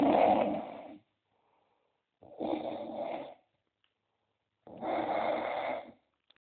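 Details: Male's snoring problem revealed: loud, coarse snores, three in about six seconds, with silent pauses between them; snoring.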